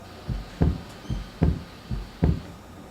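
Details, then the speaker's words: Paired low lub-dub heart sounds at about 75 beats a minute with a soft hiss between them, a recording played in an anatomy class as an example of a leaky valve; heart murmur. "There's a little bit of a lub-dubs, just a little bit of a hiss in between."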